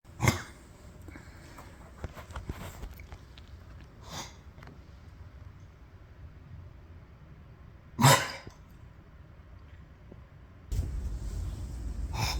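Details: Pet's nose cough: two sharp nasal snort-like bursts and softer sniffs over low room noise, rustling at the end.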